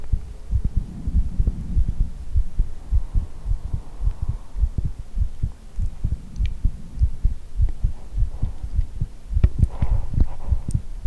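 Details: ASMR heartbeat recording with head-hugging and ear blowing: steady, muffled, low heartbeat thumps at about 100 beats a minute over a soft background hum.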